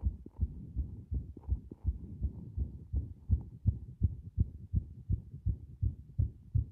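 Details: Fast, low heart thumps, mostly steady at about 165 a minute, with a few uneven gaps where the heart momentarily stops; a strong irregular heartbeat (arrhythmia).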